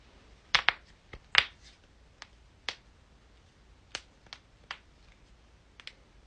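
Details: Loud back crack and more joint cracking in a compilation; a run of about a dozen sharp, crisp pops and clicks in a quiet room, joint cavitation during an adjustment.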